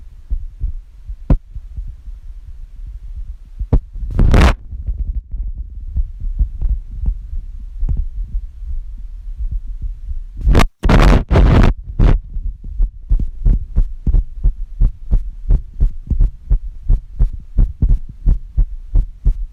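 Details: Woman's heartbeat recorded with a phone app on chest; boyfriend hears it sometimes sound abnormal: low dull beats about 88 per minute, somewhat uneven spacing, handling noise; possibly irregular.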